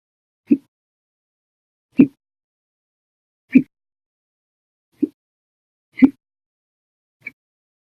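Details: Violent, loud hiccups lasting 12.5 hours, after eating and drinking soda: six short, sharp gulping catches of breath about two seconds apart in a quiet room.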